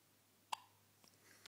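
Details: Four-day-old newborn's first hiccups, in the morning: one soft, sharp hiccup in a quiet room, with a fainter second sound after it.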